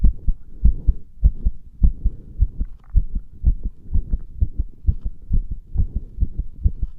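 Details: Heart sounds.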